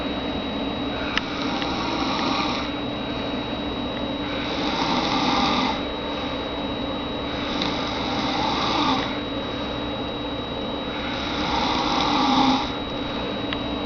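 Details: Loud snoring from a sleeping roommate, said to be louder than the recording conveys: regular rough, rattling snores about every 3.5 seconds, roughly 17 a minute, over steady room hum and a faint high whine.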